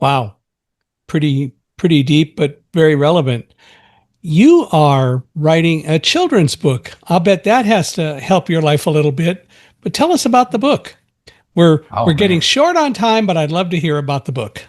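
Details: Adult man; normal speech.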